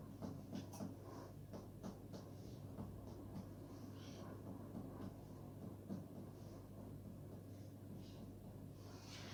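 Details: Finger percussion across the patient's abdominal wall testing for shifting dullness, with the note changing from tympanic to dull.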